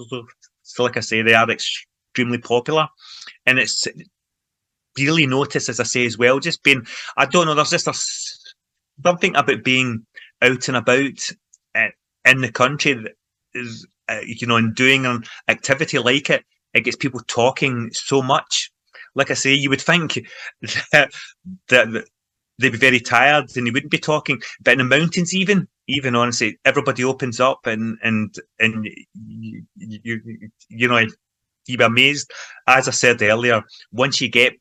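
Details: Real stuttering (stammering) in an adult man from Scotland who stammers and has been involved in stammering self-help groups for over 25 years, in everyday conversational speech.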